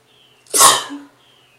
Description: Just a stray sneeze